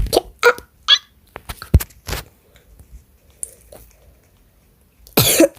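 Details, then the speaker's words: Child with a cold, recorded playing Roblox with an unusual voice: several short coughs with a harsher burst at the end in a quiet indoor room; cold-related cough. "그때 감기 걸려가지고 영상을 잘 안 올렸거든요. 아파가지고."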